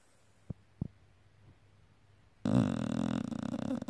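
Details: Sleeping pitbull dog snoring: a few soft snorts, then a loud, rough, fluttering snore.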